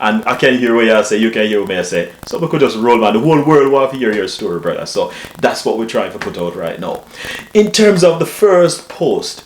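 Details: Adult man; normal speech.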